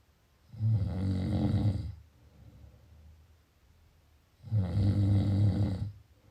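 Two loud, deep, rumbling snores on breathing in, with quiet breathing out between them, during sleep.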